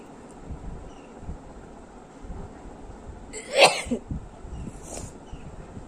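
A single ordinary sneeze over steady background noise, with a faint nose sound afterward.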